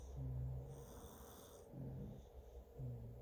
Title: Twin snores